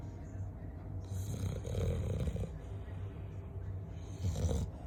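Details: Loud, rattling low snore with snorty, fluttering breaths during sleep; snoring.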